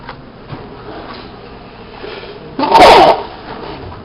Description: me at the library sneezing